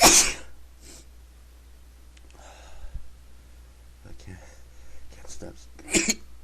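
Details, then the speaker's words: Person who feels they have to sneeze: a sharp, explosive sneeze at the start, then quiet sniffing and shuffling, ending in a second forceful sneeze; repeated sneezing. "feel like I have to sneeze. Here comes. Sneeze again."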